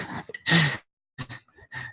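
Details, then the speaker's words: A young boy coughs in another room behind an open door, heard over a live webinar: a few short, harsh bursts, a brief cough. "C'est la porte du petit qui est ouverte, hein, on l'entend tousser."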